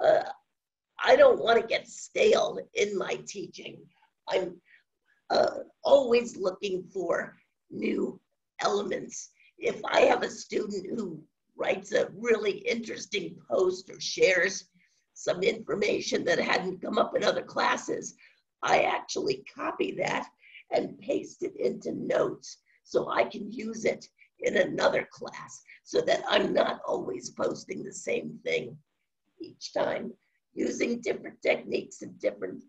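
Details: Adult woman with spasmodic dysphonia, no cure, onset around 2010 and progressively worsening; awaiting a postponed Botox injection; scratchy voice; finding: spasmodic dysphonia.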